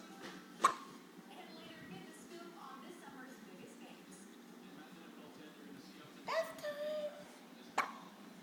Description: Our child has hiccups